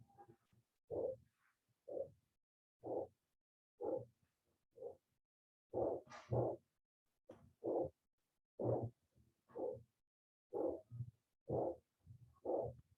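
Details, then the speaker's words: Teaching recording of an aortic stenosis murmur, the heart sound isolated from breath sounds: a regular heartbeat near 60 a minute with a harsh, drawn-out rush through each beat from a narrowed aortic valve. "Bueno, entonces este es una soplo de estenosis aórtica. ¿Qué es estenosis? Pues un estrechamiento. Entonces es la aorta que se ha estrechado."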